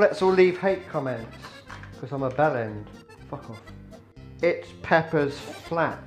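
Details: Adult man with Tourette syndrome producing involuntary vocal tics, including swearing, while cooking; vocal tics with coprolalia (Tourette syndrome).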